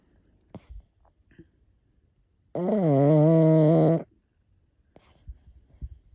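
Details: Snoring from an unidentified sleeper (man, woman or dog, left as a guess): a single loud, droning, low-pitched snore of about 1.5 seconds in a quiet room.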